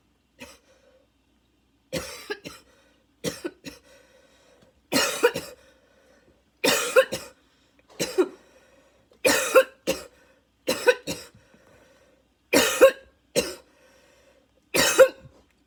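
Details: Adult's fit of about fourteen harsh barking coughs with a steady whistling wheeze between them, a repeat fit minutes after an earlier one, inhaler badly needed; barking cough fit with wheeze.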